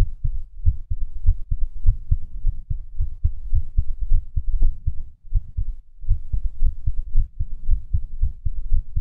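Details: Irregular heartbeat with skipped beats.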